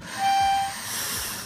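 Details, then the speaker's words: Spacer flow-warning whistle: a young boy with breathing trouble, being assessed for asthma, inhales a pressed inhaler dose through a spacer chamber; a thin steady whistle signals he breathed in too fast. "you heard that whistle that means you freeze it in no that man you you breathed it in too fast"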